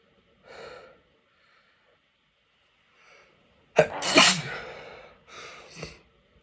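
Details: Quiet inward breaths, then a sharp explosive sneeze followed by a smaller one, in an adult with a cold who is sneezing repeatedly.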